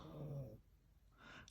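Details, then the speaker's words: A single short, low, rumbling snore from a sleeping 13-year-old female Yorkshire terrier described as older and a regular snorer, followed by quiet room sound. "mind my yorkie who is in here hanging out with me and she is having a fun asleep she's 13 she's kind of older and she snores so i'm sure that you hear it but it is so cute to me"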